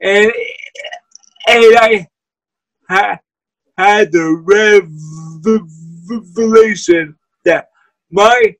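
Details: Man with cerebral palsy who uses a wheelchair; dysarthria (cerebral palsy).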